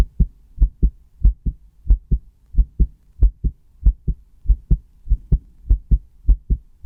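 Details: Crisp paired lub-dub beats, about 95 a minute, recorded by a person on their own chest with a newly bought stethoscope; slightly quick normal heartbeat.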